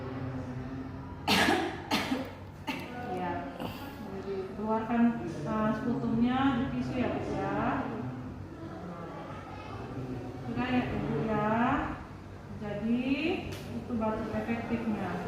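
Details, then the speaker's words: Simulated effective-cough procedure by nursing students with a female patient: deep breaths in and out through the mouth, then a couple of deliberate, controlled coughs into a tissue to clear sputum. "2, tarik nafas, keluarkan dari mulut. Yang ketiga Ibu boleh batuk sekalian dengan tisunya."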